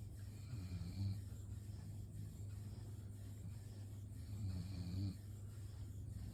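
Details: Sleeping dog snoring: two soft, low rattling snores about four seconds apart over a steady background hum.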